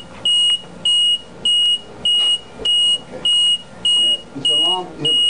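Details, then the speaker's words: LP10 ventilator in-service demonstration, tubing disconnected to trigger low pressure alarm (set at 10); loud regular high-pitched beeping about 100 per minute, a latching alarm that keeps sounding until manually reset. "let's say one of the tubin came walk right machine start alarming let say low pressure alarm"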